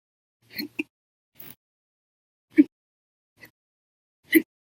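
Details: Hiccups episode on 9/2/19 lasting 13 hours 1 minute, after breakfast, lunch and a cup of soda after dinner: short, sharp, jerky throat sounds at uneven intervals, about five in five seconds, some loud, some nearly silent.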